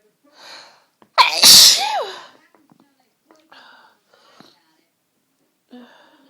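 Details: One loud, explosive sneeze with a sharp intake of breath before it, then quiet breathing; part of a fit of strong, tickly sneezes during a cold.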